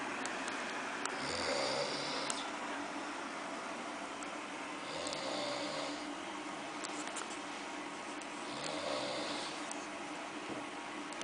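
Three soft rattling snores about 3.5 seconds apart, roughly 16 a minute, over steady room noise: snoring.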